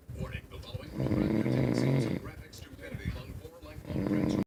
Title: Husband snores louder than the TV at night